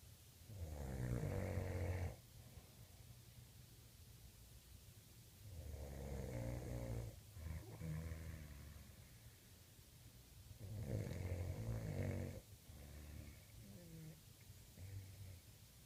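Three loud, low, rattling snores on the in-breath, each followed by a quieter breath out, about twelve breaths a minute: snoring.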